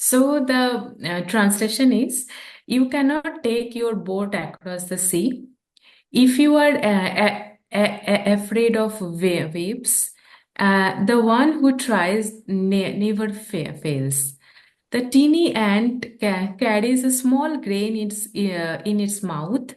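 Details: Adult woman who stammers, a real speaker who practices yoga and deep breathing, speaking English while translating a poem; stammering.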